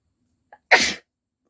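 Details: A brief inward catch of breath, then one sharp explosive sneeze; a normal sneeze deliberately induced during a sneezing challenge.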